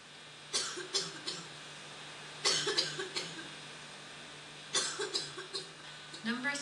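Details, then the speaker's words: Pediatric respiratory assessment example: three bursts of short, dry, hacking coughs with no wet or rattling sound, a non-productive ("choky") dry cough. "if a cough is nonproducing or dry we refer to it as chokey here's an example of a chokey"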